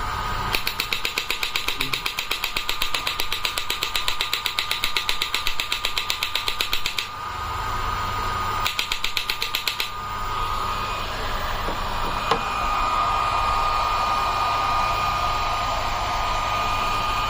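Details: Electromagnetic shockwave therapy device with a handheld applicator and selectable body modules (elbow, knee, shoulder, hip, ED and others), energy up to 200 mJ: rapid mechanical clicking pulses at about 2–3 per second, pausing and resuming, over a steady electronic tone.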